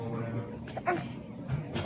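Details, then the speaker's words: Infant with RSV struggling to breathe: brief, strained, grunting breath sounds; labored breathing, infant respiratory distress from RSV. "that's the sound of a baby struggling to breathe this baby has RSV which in little ones and in older folks can quickly and dangerously escalate"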